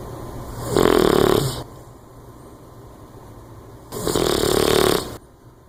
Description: Baby Gonks the boxer puppy snores like a buzz saw and starts the sleep twitches.